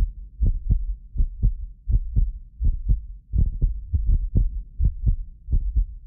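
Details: Heartbeat of a self-described medically fit person, recorded with several precision contact microphones: steady paired lub-dub at about 82 a minute over a low hum; occasional doubled clicks are a multi-microphone delay artifact. Normal heart sounds.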